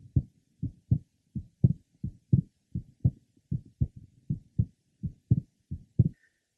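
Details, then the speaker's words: 21-year-old man, third left sternal border, about 83 a minute. Normal physiological splitting of the second heart sound: easily split with inspiration, closely split or single on expiration. "a 21-year-old man who has normal splitting of his second hard sound the splitting is easily heard with inspiration and with expiration the second sound is closely split or single"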